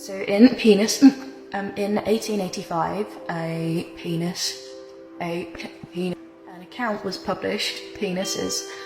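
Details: Adult female with Tourette syndrome whose speech is interrupted by involuntary, repeated-word vocal tics; Tourette syndrome vocal tics.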